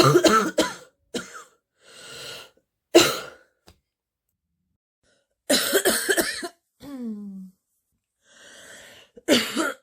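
Bursts of harsh, deep coughs with throat clearing and breaths between them, a barking cough during a chest cold.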